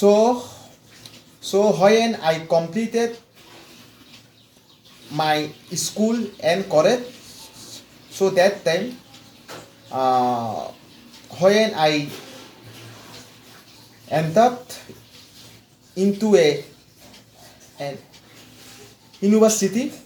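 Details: Adult male mechanical engineer from West Bengal, India, with severe stammering since childhood, speaking after 4 weeks of fluency training; repetitions and long pauses heard; stuttering.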